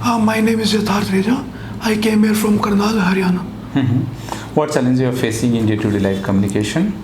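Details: 22-year-old male before therapy, with 9 years of voice change and left vocal cord paresis with a phonatory gap; hoarse voice from unilateral vocal fold paralysis.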